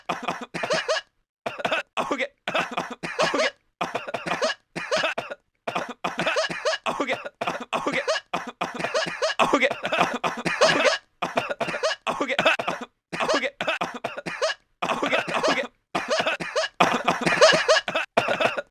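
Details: Sustained coughing fit of about 25 harsh, dry coughs in quick bursts with brief pauses.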